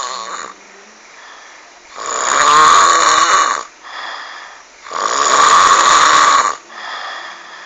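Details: Heavy snoring described as frightening: loud, harsh, rattling snores on each breath in, with softer breaths out, about 20 breaths a minute.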